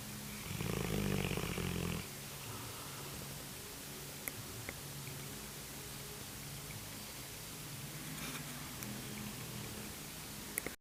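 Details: Dog asleep: one loud rough snore, then quiet steady noisy breathing with faint low snoring sounds: snoring.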